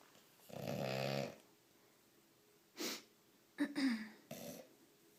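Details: Bulldog snoring: rough, rattling breathing sounds with a few shorter snorts between quiet pauses, typical of a flat-faced dog; snoring.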